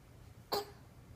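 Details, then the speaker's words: Young child imitating daddy's cough when asked "How daddy cough?": a single short, sharp cough-like burst. "How daddy coughing? How daddy cough?"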